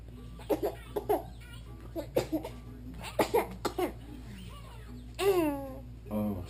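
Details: 4-month-old infant gives a few short, light coughs, then a brief voiced sound, with steady room hum.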